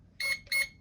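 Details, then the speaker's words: V60 BiPAP/CPAP noninvasive ventilator being powered on by pressing and holding the button: two short high-pitched beeps as it turns on and is set to non-invasive mode for BiPAP/CPAP. "until it beeps and it'll be set to the non-invasive. So for BiPAP and CPAP, it should be set on non-invasive, not invasive."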